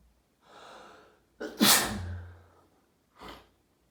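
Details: Daily sneezing fit after showering, second half recorded: a sharp inhaled gasp, then a loud explosive sneeze and a smaller sneeze.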